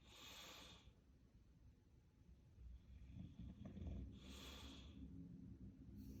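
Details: Two harsh, hissing, snort-like coughing bursts about four seconds apart with low rumbling between, in a dog.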